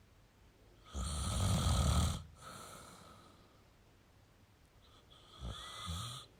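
Two low, rumbling snores on breathing in, with quieter breath between, over a faint high room tone.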